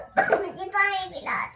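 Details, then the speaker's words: A young boy with a cough gives a short, sharp cough, then a brief voiced sound in a small room while his sister pats his back. "ओहो खाचे ई खाचे वान को भी खांसी हो गई डुक वान को खांसी हो गई ओ खासी हो गई"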